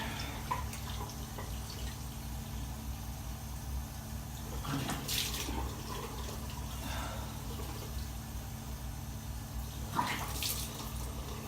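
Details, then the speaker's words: Steady low hiss of running water with a few faint splashes as the eyes are rinsed during home dry-eye care, after an eyelid cleanse with baby shampoo. "And so, I think that was fine. Okay, now, we're gonna do the rinse."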